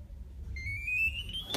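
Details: The start-up self-test beep of an Ampall SP-8800 syringe infusion pump: a single rising electronic tone as it powers on, after a syringe is clamped in.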